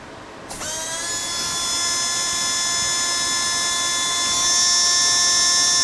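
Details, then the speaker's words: Star Titan dental low-speed air motor running during an airflow test, measured at about 29 standard liters per minute: a steady high-pitched whine spinning up and running continuously, with a slight rise in pitch partway. "Next is a trusty uh Star Titan motor. Okay. Star Star Titan."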